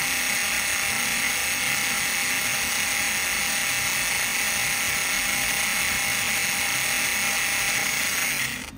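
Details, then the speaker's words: Open reduction and internal fixation of the fourth metacarpal fracture in a 30-year-old musician. Steady high buzzing whine of a powered drill (1.1 drill, 1.5 counter), then stopping, while drilling bone for lag screws. "So now I'm going to do the lag screws. This is 1.1 drill. It's moving. I'm going to drill with I'm going to drill with the 1.5 in the counter piece."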